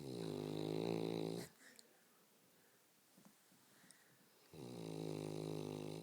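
Two long, loud, buzzing snores separated by a quiet pause of about three seconds.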